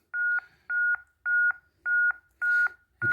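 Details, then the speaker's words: ZOLL M2 defibrillator in AED mode during CPR: regular electronic metronome beeps at about 107 per minute pace chest compressions, target rate 100–120; the device gives depth feedback and confirms good compressions over a two-minute cycle. "good compression now that I've got big corporations it tells me I've got good compressions we continue this cycle for two minutes"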